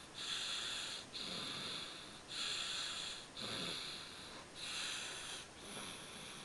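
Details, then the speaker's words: Snoring in a baby boy who fell asleep in the middle of eating dinner: repeated hissing, snorting breaths about every two seconds, roughly 27 a minute. "tired, baby. He's snoring. That is so funny."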